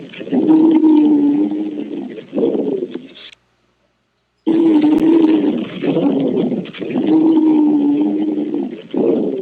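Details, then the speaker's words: High-pitched musical wheeze on both inspiration and expiration, heard by stethoscope over the lungs in airway narrowing such as an asthma attack or airway inflammation; wheezing. "Y si le ponen al paciente ahí en ese caso el estetoscopio para escuchar sus sonidos pulmonares Normalmente se va a escuchar una sibilancia y la sibilancia tiende a escucharse de la siguiente manera"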